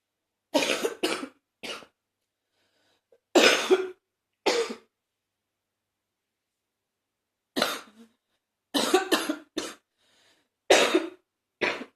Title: #75 a Lil congested cough